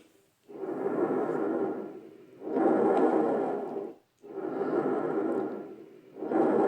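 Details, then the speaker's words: Bronchial breath sound heard over the sternum at the centre of the chest, less intense than tracheal sound: hollow, blowing breaths with inspiration and expiration of similar length, separated by a brief pause. Normal bronchial breathing. "o tempo de som da Inspiração vai ser semelhante ao tempo de som da Inspiração Então não vai ter que a alteração de um tempo maior de um tempo Menor os dois vão ter um tempo semelhante e entra inspiração EA expiração vai ter uma pequena pausa"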